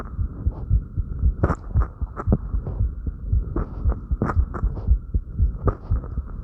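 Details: Fast, steady low heart thumps at about 115 a minute with soft breathing and rustling movement noise, recorded on oneself after light crunches: rapid heartbeat after exercise.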